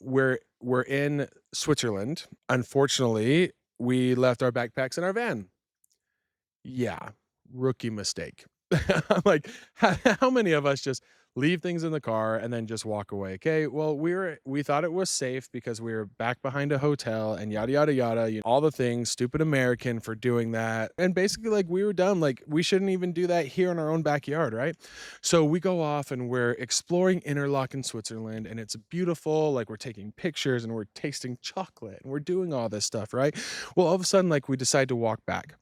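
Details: Adult speaker; fluent adult speech.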